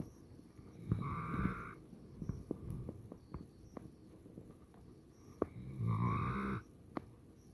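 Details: Sleeping pet snoring: two low rumbling snores with scattered soft clicks and quiet room noise between them.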